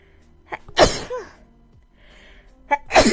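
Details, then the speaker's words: Young woman with bad allergies and still sick: two sneezes, each with a short indrawn breath before a sharp explosive burst, a brief vocal sound after the first. "gies are so bad today I'm going to sneeze maybe oh my goodness sad yes I'm still sick by the way"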